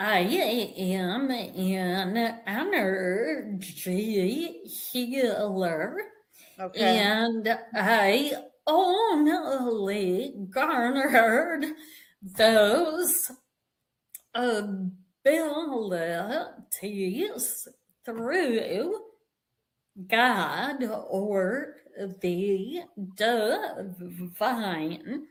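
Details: Vocal tremor in a woman; it is said to have developed after decades of narcissistic abuse and trauma beginning at age five, and she describes it as physically manifesting in her body and nervous system.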